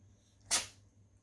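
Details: Elderly female gray tabby cat, sleepy and being cuddled, gives a single short, sharp, hissing sneeze in a quiet room after being woken; cat sneeze.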